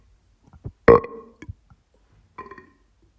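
A short, low, voiced belch in a quiet room, with smaller throaty sounds around it, consistent with burping.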